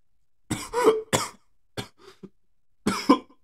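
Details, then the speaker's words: Cough from an adult transgender woman who says she is sick and doesn't feel good: several short, harsh cough bursts with throat clearing in a quiet room. "explain this was a stake of a stream I don't feel good anyways"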